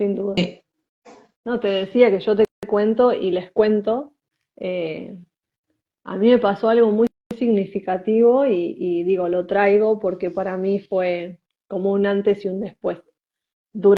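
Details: Spanish-speaking woman who identifies herself as a person who stutters, in conversation with a speech therapist; stuttering.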